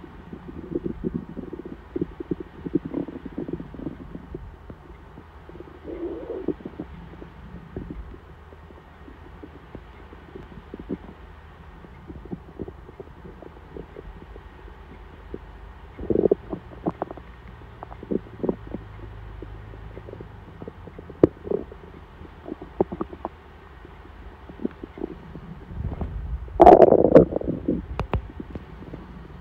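Irregular gurgles and low rumbles from an empty stomach, ordinary hunger bowel sounds.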